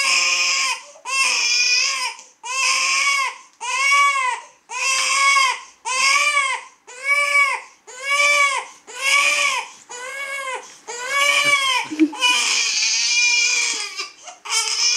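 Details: Baby girl: loud, rhythmic crying about one cry a second, each a rising-falling wail, over music; colicky crying from discomfort.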